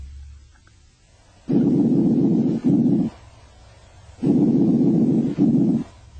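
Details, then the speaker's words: Bronchial breath sounds over the main stem bronchi: loud, hollow, harsh, with the expiratory sound lasting longer than the inspiratory and a brief silent gap between them. "Main stem broni the expiratory sound lasts longer than the inspiratory sound at a silent Gap May separate these two"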